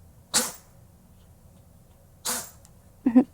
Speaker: sorry if you can hear my cat sneezing in the background this allergy season is killing him